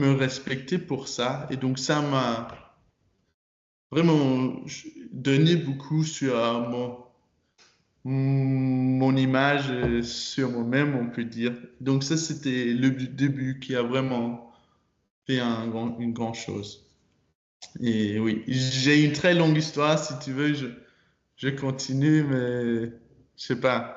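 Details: 22-year-old man, French-speaking student, who stutters and began working on his stutter in his last year of high school; stuttering.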